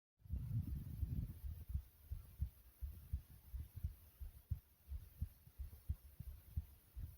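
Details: Soft, normal resting heartbeat, recorded while lying down.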